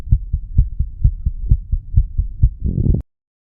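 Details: 34-year-old male's heartbeat recorded at the mitral area after smoking nicotine and "green stuff": a rapid, regular heartbeat at about 130 per minute, ending in a brief rustle.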